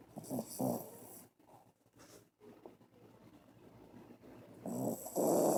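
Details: Sleeping dog in deep sleep: rough, rattling snores, two louder bursts at the start and end with quieter breathing between; dog snoring.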